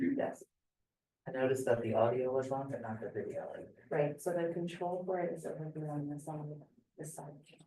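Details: Adult speaker in a classroom; typical speech.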